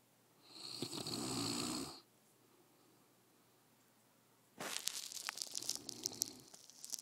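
Two rough, rattling snoring breaths separated by a quiet pause, the second noisier and fluttering.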